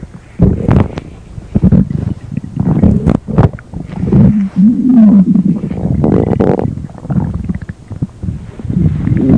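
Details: Stomach growling (borborygmi): low gurgling rumbles and squeaky churning sounds from the belly as gas and fluid move through the gut.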